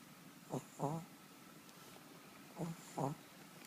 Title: Yorkies snoring